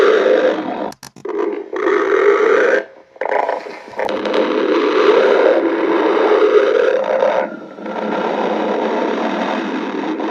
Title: Cloud stomach growling